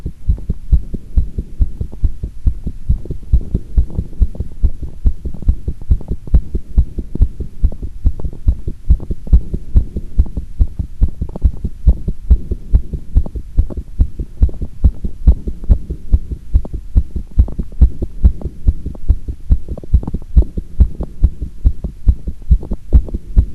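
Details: Fast, strong, regular heartbeat recorded with pressure after squats, with one brief irregular beat (one-time arrhythmia) somewhere in the recording: rapid heart sounds after exercise.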